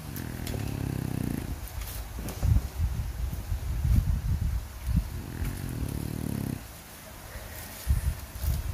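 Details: Low rumbling snore-like breaths under handling and clicking noises; a relaxed pet snoring while having its nails trimmed.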